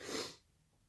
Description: I was so sneezy and stuffy last night